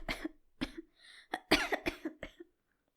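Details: Simulated: a male voice-acted character in a fictional roleplay with a worsening illness; a run of about eight harsh, forceful coughs in quick succession with a brief strained breath between; acted coughing fit.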